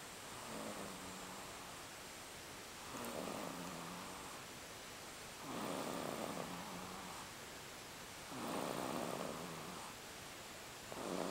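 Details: Regular rumbling snores on each in-breath, about four in 11 seconds, over steady background hiss; ordinary snoring.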